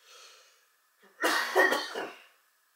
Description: Today I meditate inside while experiencing a coughing fit.